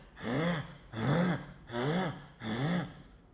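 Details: Croaking vocalization with myoclonic seizures: a deep, rough, throaty grunting noise, like a frog or crow, shown as an example of the grunting heard during sleep in children under 2 that can resemble respiratory distress or stridor.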